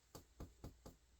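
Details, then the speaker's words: Chest percussion over healthy lung: four hollow, low-pitched taps giving a resonant note with no dullness, the normal finding. "are normal lung sounds. So there's no dullness that could indicate any tumor or abnormality."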